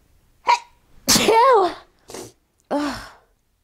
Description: woke up this morning and couldnt stop sneezing so i thought i would record :)